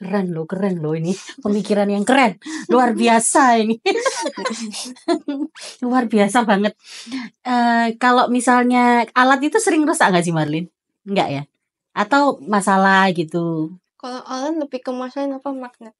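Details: Adult woman speaking Indonesian; ordinary speech.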